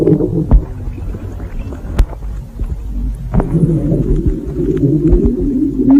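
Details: Low, continuous gurgling and rumbling with a few sharp pops; stomach growling (borborygmi).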